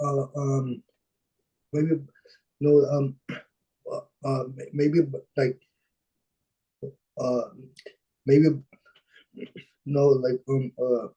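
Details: Dysarthria with disfluent speech in a 26-year-old man with cerebral palsy from birth, born at about a pound and a half; his mother says the condition limits his expression.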